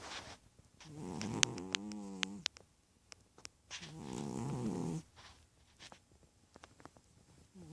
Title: Chubby cat snoring